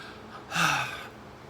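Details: Adult with persistent hiccups, at the end of a choking spasm occurring almost daily, sometimes several times a day, with inability to catch breath: a single sharp, noisy gasping breath in.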